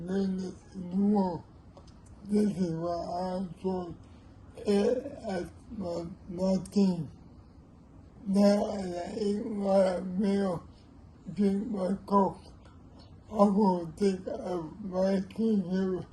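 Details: Older man with cerebral palsy; dysarthric speech due to cerebral palsy.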